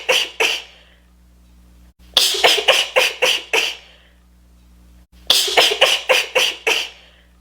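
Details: Female's rapid, uncontrollable sneezes played on a loop: quick bursts of sharp, hissing sneezes in rapid clusters with short silent gaps.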